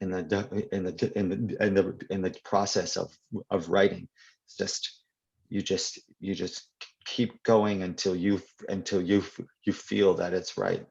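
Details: Adult man, a poet, who stutters, with audible part-word and phrase repetitions; stuttering.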